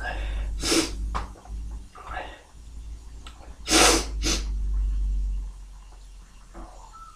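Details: Two forceful, explosive tickle-induced sneezes, each preceded by a sharp indrawn breath, with a smaller burst after the second.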